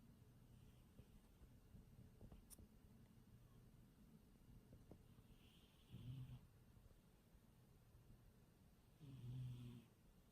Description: My cat snoring